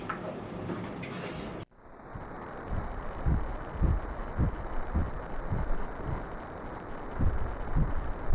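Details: First fetal heartbeat heard on ultrasound at an early pregnancy check, embryo 2 mm with gestational sac and yolk sac seen: rapid, regular whooshing thumps, about 110 beats a minute; normal early fetal heartbeat.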